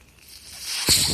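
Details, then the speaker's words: Mechanical ventilator noise heard in the background while the ventilator user speaks, introducing his podcast. "My name is. That noise you're hearing is my ventilator."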